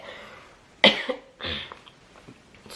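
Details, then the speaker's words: Adult woman's two sharp, forced coughs, staged as a prank on her husband during a mukbang meal rather than a true illness. "you know i'm coughing you know i'm not feeling weird i'm not feeling well though now i'm coughing"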